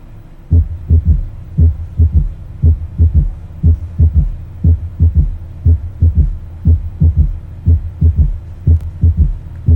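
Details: Third heart sound (S3) heard at the mitral area: steady heartbeat near 60 a minute with a dull low extra sound after the second sound, giving a gallop rhythm.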